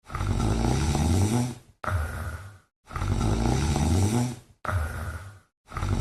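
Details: Rhythmic snoring from a sleeping cat, long rumbling breaths alternating with shorter ones, about ten breaths a minute.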